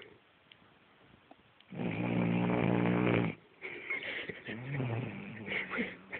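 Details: Cavalier King Charles Spaniel snoring: one long, buzzing, throaty snore followed by snuffling and grunting breath noises.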